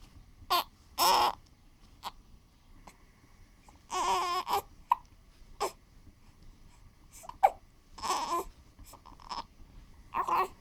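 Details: Infant with hiccups lying on a bouncer: short bursts of fussing and crying with breathy pauses and a few brief catches, possibly hiccups, in a quiet room; infant cry.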